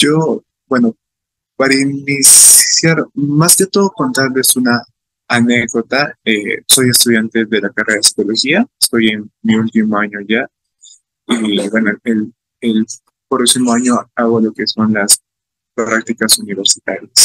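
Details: Stuttering in an adult male Spanish-speaking psychology student from Peru who stutters, recorded giving a talk about his own stuttering experience at a stuttering festival.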